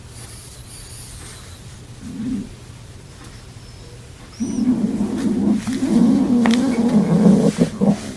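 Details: Stomach growling (borborygmi) from a girl who reportedly hasn't eaten in 3 days: low, drawn-out gurgling rumbles, one brief then a longer rolling run, over faint background hiss.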